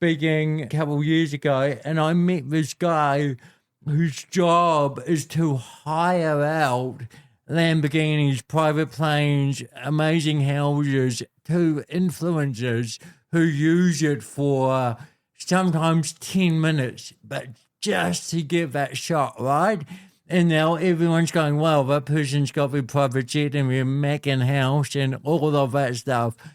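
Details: Dysarthria in an adult man born with cerebral palsy, a physical disability affecting how messages travel around his body; he was told walking and talking would be his biggest challenges.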